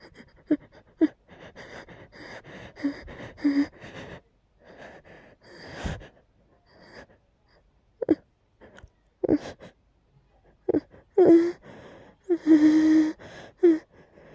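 Repeated sharp, catching gasping inhalations with strained breaths, as in a sneeze that keeps building but does not come.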